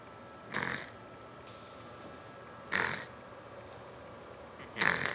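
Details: Fat pet cat snoring while napping: three short, raspy, hissing snore breaths a couple of seconds apart, about 29 a minute.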